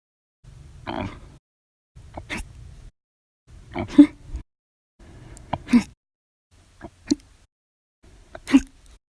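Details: Hiccups after lunch, described as violent, loud, silent and minute: six abrupt, short throat jolts with small clicks, spaced a second or two apart; repeated hiccups.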